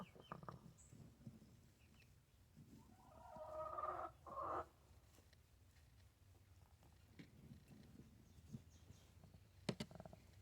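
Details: Chicken making a brief, rising, whistling wheeze amid quiet farmyard background noise; wheezing.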